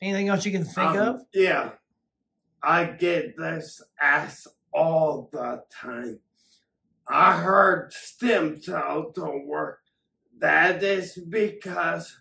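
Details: Adult man with acquired ataxia from several strokes affecting the cerebellum, ataxia present for years; ataxic dysarthria.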